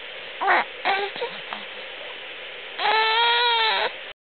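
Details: Brief infant fussing sounds, then a sustained wailing cry lasting about a second, recorded in the morning around the baby's sneezes; an ordinary infant cry.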